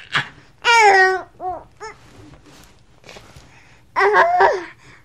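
Short, high-pitched infant cries and fussy wails in bursts, with quiet breaths between them.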